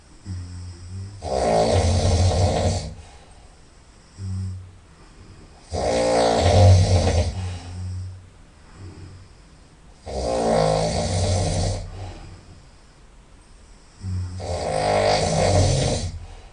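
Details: Very loud nasal snoring during sleep: rattling snores on each breath in, about 14 a minute, with quiet breaths out between them; snoring.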